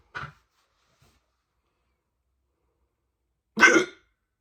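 Two abrupt, loud throat bursts a few seconds apart, sharp gulping catches typical of hiccups.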